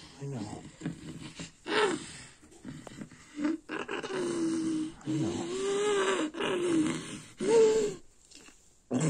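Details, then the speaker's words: Strained groaning and moaning vocal bursts with gasping breaths and quiet gaps during a seizure in a girl on bedtime clonazepam, as a caregiver soothes her ("it's okay, sweetie") at bedtime; seizure vocalizations. "and here is that seizure that raylan had sweet girl it's okay it's okay it's okay sweetie okay"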